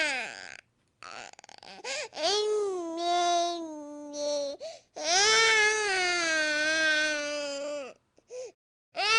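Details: Infant crying: loud, sustained wailing cries in long drawn-out bursts separated by breaths; ordinary infant crying.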